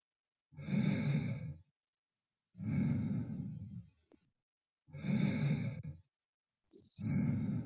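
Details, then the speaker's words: Stethoscope lung auscultation of a female patient during a head-to-toe nursing assessment: soft, even breath sounds, clear and equal bilaterally, no wheeze or crackles, a normal finding. "breath sounds are clear and equal bilaterally"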